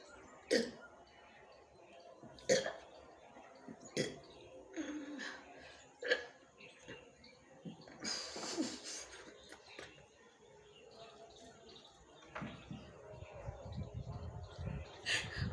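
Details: Brief sharp throat catches about every two seconds in a quiet room with some noise, from a woman who drank a small Thums Up cold drink in the morning for a burping challenge; hiccups.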